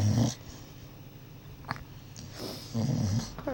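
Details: Sleeping dog snoring and dreaming after a long day: low rumbling snore-like breaths with soft growly sounds.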